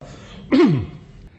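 A single short, harsh cough with a voiced, falling tail, close to a throat clear, against quiet room noise.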